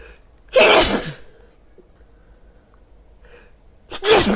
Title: Sneezing with headphones